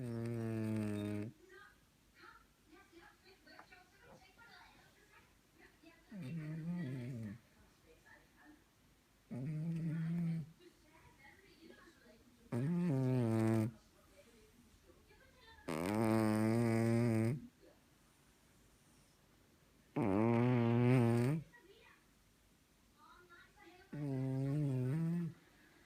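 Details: Kisser, a sleeping cat, snores in regular, slightly tonal bursts, about 16 breaths a minute, with quiet room noise between.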